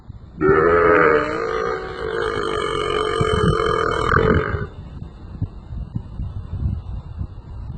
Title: Guy burps at cows| Funniest human-animal conversation